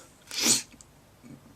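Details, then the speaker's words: Person just woken up in a massive sneezing fit: single sharp, hissing sneeze burst followed by quiet breathing. "oh um guys i just woke up and i'm sneezing i'm in a massive sneezing fit and i don't like it"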